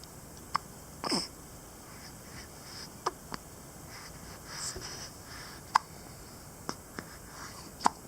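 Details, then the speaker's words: An awake infant girl with recurrent hiccups makes short, sharp clicking hiccups, about seven or eight at uneven intervals over eight seconds, in a quiet room. "She has hiccups again. Now it's gonna seem like all my videos of her have hiccups."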